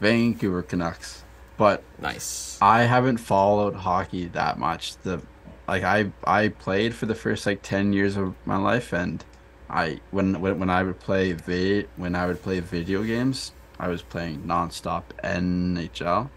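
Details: Adult male podcast host who stutters and describes stuttering a lot; stuttering.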